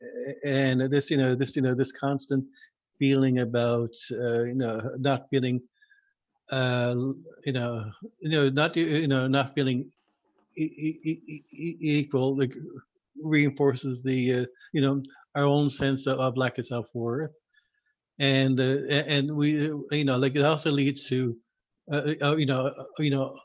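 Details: Stuttering in an adult male who was formerly a covert stutterer.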